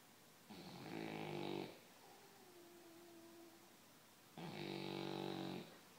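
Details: Dog snoring, described as mad snoring: two loud, rattling snores about four seconds apart with quiet breathing between.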